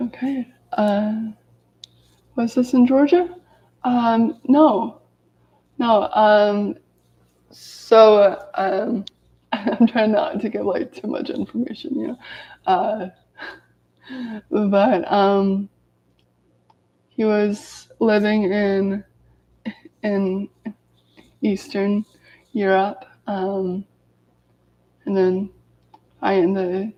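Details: Adult woman who has stuttered daily her whole life, severe as a child, with speech blocks and S-words especially hard, speaking in a live video while recovering from an illness; stuttering.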